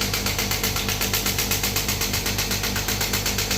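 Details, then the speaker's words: Radial shock wave therapy machine demonstrated on the presenter's hand, frequency and power reduced after a pricking sensation: rapid, regular mechanical pulses, about four a second, over a steady compressor hum. "जब मैं इस button को दबाऊंगा तब machine start होगी। तो आप देख पा रहे हैं इसको।"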